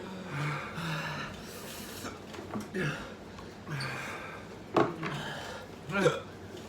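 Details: Hiccups after eating an extremely spicy chip in the One Chip Challenge: sharp, abrupt breath catches recurring among breathing and faint vocal sounds in a small room.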